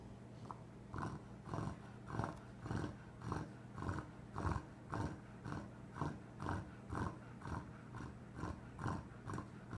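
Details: A sleeping female dog snores in quick, rhythmic snorting bursts over a steady low background hum.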